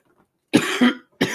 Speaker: as you can hear I have a bit of a cough and it's allergies guys